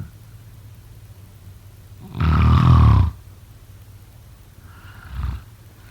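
A loud, low, rattling inward snore lasting about a second, then a softer second snore after a pause; typical snoring in sleep.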